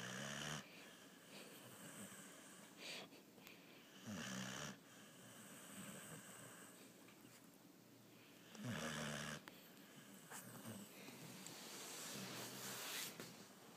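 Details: Loud rattling snores every few seconds from a sleeping bulldog, with quieter breathing between: snoring.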